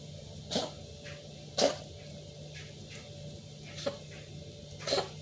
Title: Kitten Coughing